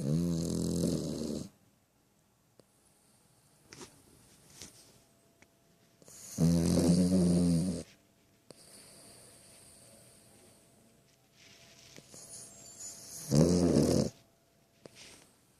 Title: The snoring monster